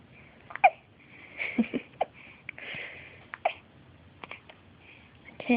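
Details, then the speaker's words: One-week-old baby with hiccups who doesn't seem bothered: soft, brief squeaky catches recur irregularly, about five in several seconds, with quiet baby noises between; infant hiccups. "We have hiccups. Doesn't seem bothered by them."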